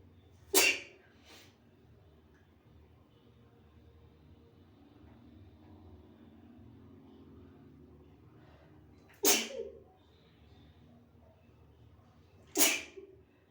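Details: Person with dog allergy having a sneezing fit while hiding in a bathroom at a relative's home, face in tissues: three sharp explosive sneezes several seconds apart; background noise and a nose blow at the end.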